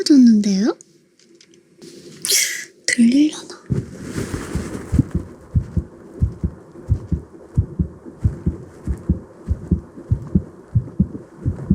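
A steady, regular heartbeat of soft low thumps follows a brief voice and rustling at the start.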